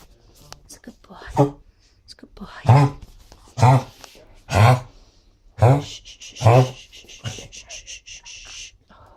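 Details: Dog coughing: a run of about seven short, hoarse, voiced coughing bursts roughly a second apart in a quiet room, with faint hiss afterward.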